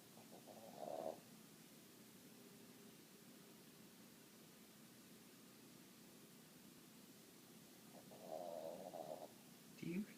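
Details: Waffles asleep: two loud, rough snores several seconds apart over steady low room noise; she snores loudly; snoring.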